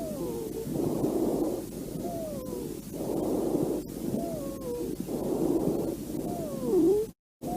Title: Ruidos pulmonares Patológicos